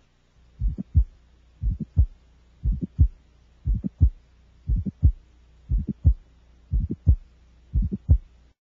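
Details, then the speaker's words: Child's heart, about 59 a minute: two sharp midsystolic clicks between S1 and S2; multiple midsystolic clicks indicate mitral valve prolapse and mitral regurgitation. "there may be multiple midsystolic clicks often associated with mid to late systolic murmurs these findings indicate mitro valve prolapse and mital regurgitation"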